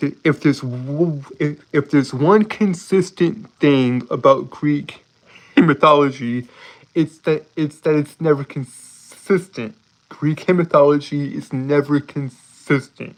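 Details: Man with a self-reported speech impediment; speech disfluency (speech impediment).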